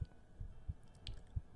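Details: ASMR recording with ear tapping, brushing and water-pressure sounds: soft, regular low thumps about 1.4 seconds apart under faint tapping, a heartbeat of roughly 90 beats a minute.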